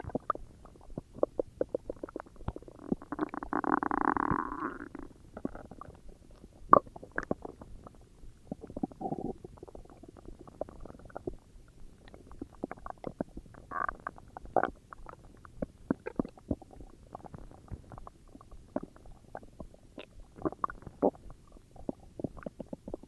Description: If you have any ideas of what would make my stomach growls better or louder, I’m up for suggestions!